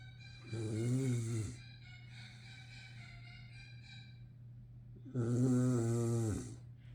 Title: Мопс устал и похрапывает / Tired Pug is sleping and snoring